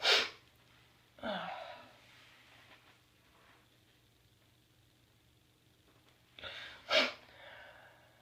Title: 6am tickle and sneeze